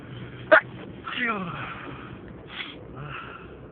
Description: This video is made of a lot of sneezes that I want to stifle...Enjoy